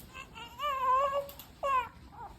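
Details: Newborn just after birth, delivered after the mother's waters broke at 37 weeks: two strong, high-pitched wailing cries with a quiet gap between, a vigorous newborn cry.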